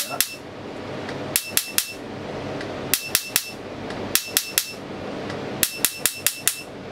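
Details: Laser tattoo removal at a tattoo studio, first shots of the session: sharp snapping clicks in quick bursts of three to five as the laser pulses fire on skin.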